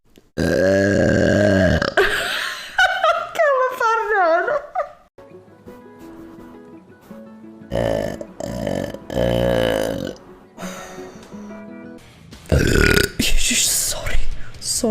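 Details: Burping compilation from one person: a series of long, voiced, croaking belches, with some music and laughter between them.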